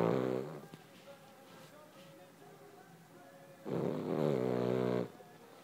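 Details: Dog (Charlie) snoring while sleeping.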